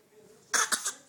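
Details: A baby girl's voluntary fake cough to get sympathy from her brothers: three quick, light, breathy cough-like bursts, a deliberate pretend cough rather than an illness cough.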